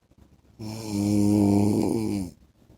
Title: 10 MINUTES MY HUSBAND'S SNORING SOUND